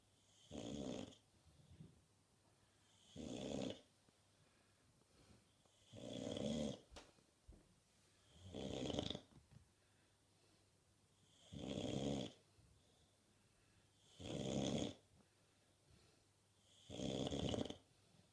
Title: Typical Bulldog snoring